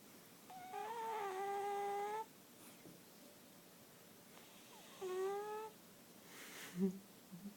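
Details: Sleeping cat making two whistling, tonal breath sounds, one long and one short, over quiet room noise; whistling snore.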